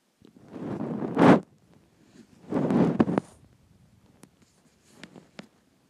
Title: Hungry stomach growls and noises (part 1)